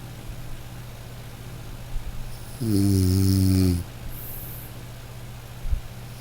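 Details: A single loud, buzzing, low-pitched snore of about a second, with quieter breathing before and after over a steady background hum, from a snoring white-noise relaxation recording; snoring.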